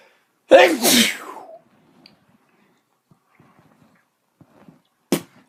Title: D dog and iron fist sneezing